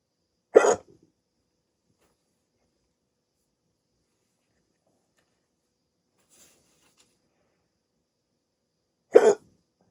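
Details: Two sharp, abrupt hiccups about nine seconds apart in a quiet room, part of a rare 16-minute hiccup attack after waking from sleep with a CPAP mask used for sleep apnea treatment.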